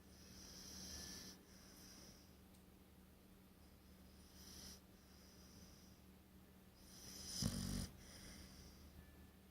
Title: Snoring Pitbull